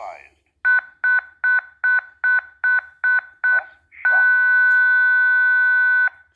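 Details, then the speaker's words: ZOLL M2 defibrillator in AED mode during CPR, set to shock at 150 joules: eight rapid repeating beeps, then a steady continuous tone as it charges and signals ready to shock. "he tells me to stop CPR analyze you'll be shocking 150 joules"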